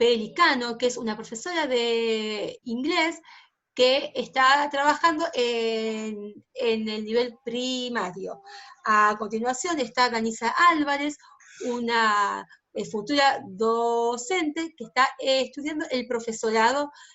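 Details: Spanish-speaking female teacher who stutters, presenting at a stuttering association workshop; she was not allowed to be a teacher when starting her career at 19 and has taught for 16 years since; stuttering.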